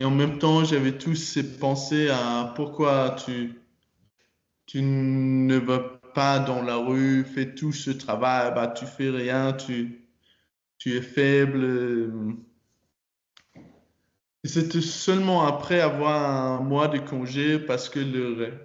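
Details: 22-year-old man who stutters, speaking French; he began working on his stutter in his final year of high school.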